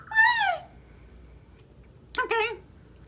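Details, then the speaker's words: Speaker sneezes in the middle of telling a story: a high, voiced two-part sneeze with a rising squeaky intake, a pause, then a tonal burst. "And I was like, oh, I gotta sneeze."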